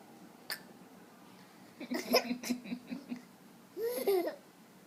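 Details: Boy with hiccups, laughing at them: a sharp, abrupt hiccup, then a run of short voiced bursts and a rising voiced sound.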